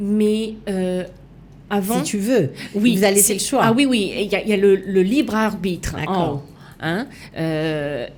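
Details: Adult woman; normal speech.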